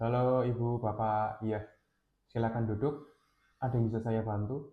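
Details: Adult man; typical speech.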